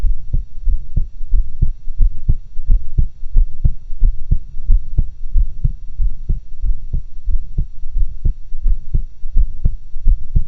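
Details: Own resting heart sounds recorded with two stethoscopes for a stereo-like recording: steady low heartbeat thumps with a faint steady hum behind them.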